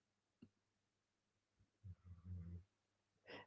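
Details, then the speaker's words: An adult's older pet dog snoring while asleep: a quiet, low rumbling snore heard once against faint room noise. "Oh, yeah. It's um you can hear the dogs snoring. I don't know if you can see them. There they are snoring"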